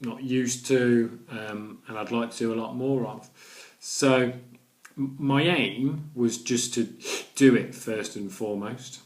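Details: Adult man with a stammer, with blocks and repetitions in his speech: stammering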